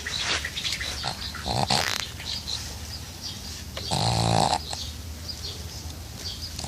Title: Funny pug snoring